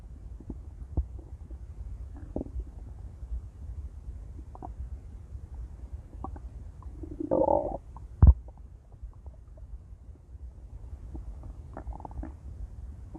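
Low gurgling with scattered pops and one loud rumbling growl: active stomach growling.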